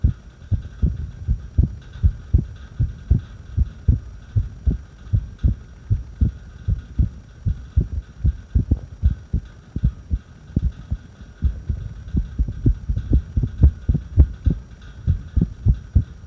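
Low heart thumps at about 77 a minute with uneven spacing between beats during a breath hold; an irregular heartbeat.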